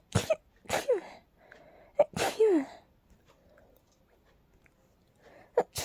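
Four sharp explosive sneezes in quick succession, each with a short in-breath, then a pause and a fifth; a sneezing fit.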